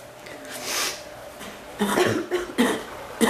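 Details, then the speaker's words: A few short, harsh coughs in a brief burst after a breath, with throat-clearing sounds; coughing that hurts the chest and more the back, coming and going, seeming to dry up. "it hurts my chest and my back more my back than my chest to cough it seems like it gets better and it gets worse"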